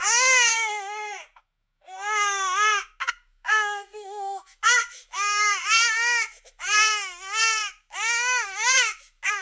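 A newborn cries in repeated loud, high-pitched wails separated by short breaths.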